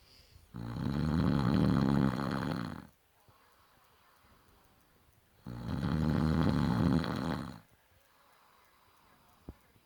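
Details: Adult man who snores in every sleep position, day and night: two loud, deep, rattling snores about five seconds apart with quiet breaths out between; heavy snoring.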